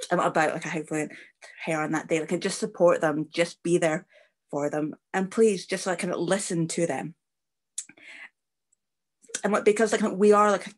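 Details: Stammering (stuttering) in an adult man, a former rugby captain, whose first memory of stammering was at age 11.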